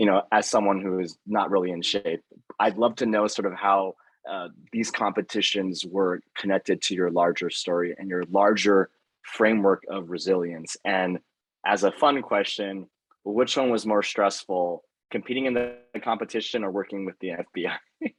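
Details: Adult male speaker; normal speech.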